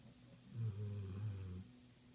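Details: A pit pinscher dog snoring while asleep: one low, rumbling, drawn-out snore in a quiet room.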